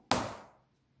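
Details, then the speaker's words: Hands-free automatic phonation valve for a laryngectomy tracheostoma, pressed firmly onto its filter: a single sharp click with a quick fading ring as the valve snaps securely on. "ce qu'on entende le clic. Et maintenant, la valve avec le filtre se sont fixés ensemble et on peut employer la valve de phonation en la fixant sur le trachéostome."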